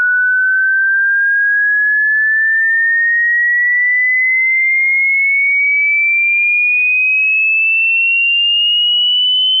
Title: hearing test frequency low to high #shorts